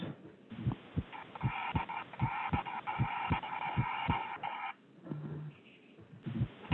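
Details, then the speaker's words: Pediatric cardiology teaching example of normal heart sounds: regular paired S1 and S2 at about 77 beats a minute with no murmur. "and i have an example here of a normal heart sound go ahead and play this"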